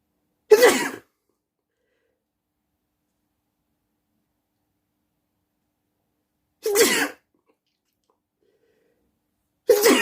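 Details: Three loud, sharp sneezes a few seconds apart at night in an otherwise silent room; sneezing.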